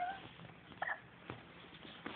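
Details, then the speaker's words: Three-year-old boy hiccuping and belching with each hiccup: a sudden, short voiced 'hic' with a squeaky catch, then fainter throat clicks against quiet room noise. "oh there was a hiccup that was a real hiccup that was cute"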